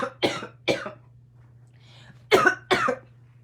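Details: Adult woman on day 2-3 of COVID-19 with much mucus, stuffiness and an earlier scratchy throat: four harsh, chesty cough bursts in two pairs over a faint low hum. Productive cough.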